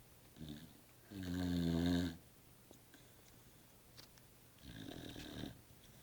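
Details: Sleeping Staffie (Staffordshire bull terrier) dog snoring: two loud, rattling snores separated by a quiet pause.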